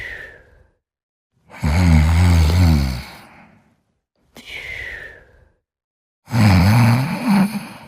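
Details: Snoring during sleep: loud, low, fluttering snores on each breath, separated by quiet pauses, with softer breathy sighs between.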